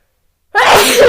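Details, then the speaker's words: Adult sneeze during a podcast, after saying they were about to sneeze again: half a second of silence, then a single loud, explosive burst with a voiced tail. "Wow, I'm about to sneeze again."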